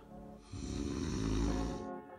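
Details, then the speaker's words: A loud, low, rattling snore on an in-breath from an adult recording their own sleep, whose sleep test results were bad, with music in the background; snoring from throat soft-tissue vibration. "when you sleep your throat tongue and job all relax this can narrow your throat's Airway then when you breathe in all the soft tissue around your throat vibrates causing that awful snoring sound"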